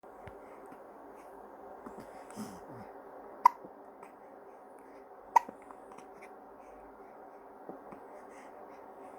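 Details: Newborn baby boy with hiccups: two sharp, clicking hiccups about two seconds apart and a few fainter ones, over quiet room hum.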